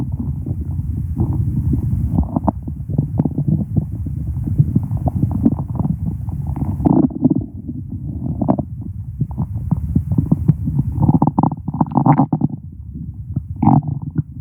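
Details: Continuous low rumbling and gurgling from the abdomen; ordinary stomach growling from gut activity.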